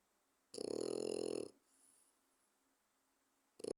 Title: French bulldog - Kuzu - Snoring like a human! What to expect when a 4. month old - LOUD